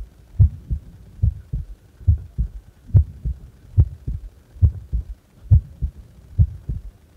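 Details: Steady paired lub-dub heartbeats at about 70 beats a minute, evenly spaced with no extra sounds; normal heart sounds at complete rest.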